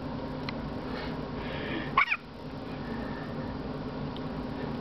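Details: A baby with hiccups: a single short, sharp hiccup over steady background noise.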